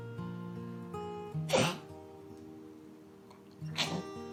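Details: Dog at a veterinary ER with kennel cough (infectious tracheobronchitis), a contagious respiratory infection; two harsh, dry hacking cough bursts over background music. Kennel cough.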